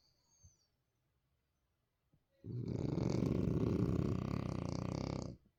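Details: French bulldogs sleeping hard after a long day of playing: snoring.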